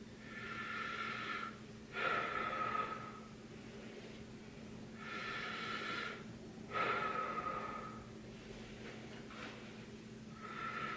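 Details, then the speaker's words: Adult male patient in a head-to-toe assessment taking slow, deep mouth breaths, about 13 a minute with quiet pauses, as the examiner listens with a stethoscope to the breath sounds. "I'm just going to listen to your breath sounds if you can just take a deep breath every time I touch with my stethoscope at the part"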